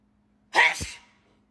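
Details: Sneeze.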